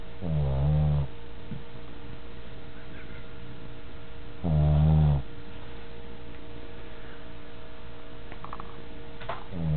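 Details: Sleeping dog that occasionally snores: two loud, low, buzzing snores about four seconds apart, with a steady background hum between them.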